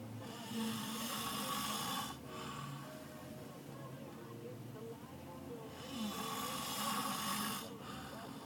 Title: Fat Guy snores part 3